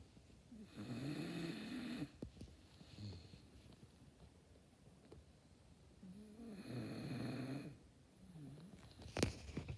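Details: Napping person snoring: soft, fluttering snores on two breaths in, with quiet breathing out between them in a small room.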